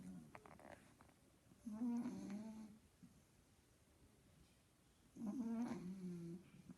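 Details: Sleeping pug (tagged pug puppy) snoring loudly: rattling snores on each inward breath, roughly every three to four seconds, in a quiet room.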